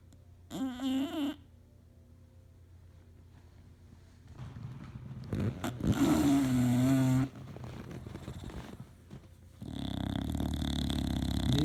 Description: This is Hunter my 2year old English Bulldog having a nap snoring up a storm on his favourite leather chair.